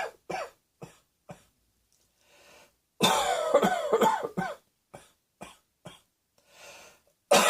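Repeated short dry coughs, several in quick succession, with a longer rough vocal stretch in the middle.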